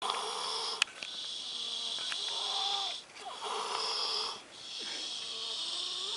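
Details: Loud, hissing nasal breathing with whistling tones during sleep, long breaths separated by brief pauses: loud nasal snoring.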